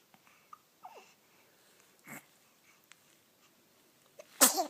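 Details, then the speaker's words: A single sharp sneeze amid quiet room sounds, from someone who also gets hiccups; an ordinary sneeze. "Bless you. You get hiccups and sneezes? Bless you."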